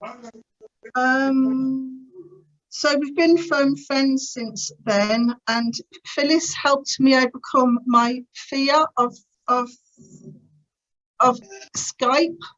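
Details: Adult woman who has stammered since about age three, severe in her teens, who later attended the Starfish Project speech therapy course to gain control over it; stuttering.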